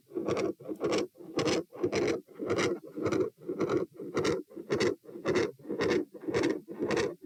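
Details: Auscultation stress test at position P, 90-126-72 bpm while sitting, standing, lying: scratchy heartbeats near 109 a minute with rough machinery-like murmur, described as intermittent, and loud S2.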